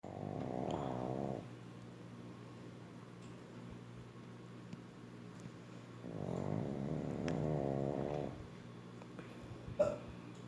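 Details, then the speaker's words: Loud, rattling snores on inhalation, about 10 breaths a minute, with quiet pauses between them; very loud snoring from a female pug. "Essa é a Juju, uma pug. Ela ronca muito alto."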